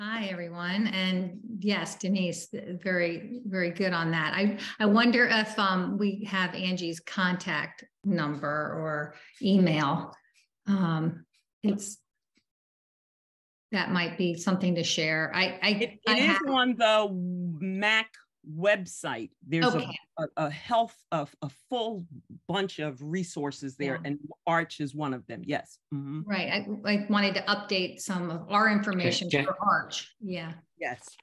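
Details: Member of a group of people with aphasia, speaking at a virtual aphasia conference; aphasia.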